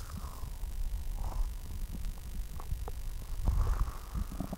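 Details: Girl with an upset stomach: low, continuous rumbling with gurgling swells, stomach growling (borborygmi).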